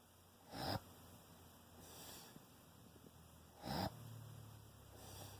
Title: Sounds like he's drowning in sleep/snore mode